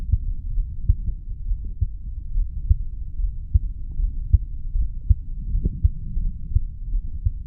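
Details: A 35-year-old male's heartbeat recorded by stethoscope at the mitral area after weight training: regular, low thumps at about 75 beats a minute over a soft hum; a normal heartbeat.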